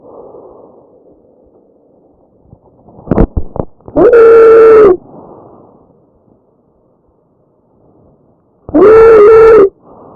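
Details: Tracheal stridor: a harsh breath sound from a narrowed upper airway, in a real patient.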